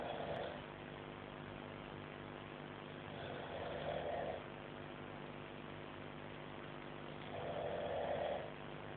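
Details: Snoring during sleep: rhythmic rough breathing noises every few seconds, about 15 a minute, over steady room hum.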